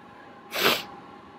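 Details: Deliberately recorded sneeze: one loud, hissing, explosive burst with no voice, a single big sneeze.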